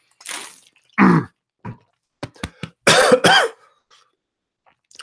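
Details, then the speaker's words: An adult man with a cold gives several coughs and throat clears in close succession, ending in two loud harsh coughs. "yeah I do have a cold Leah you know I'm just trying to get over it hopefully I will be better for our meet up on Sunday"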